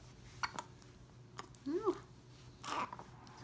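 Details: Several brief, sharp hiccups from a 6-week-old infant, with a soft coo between them, in a quiet room.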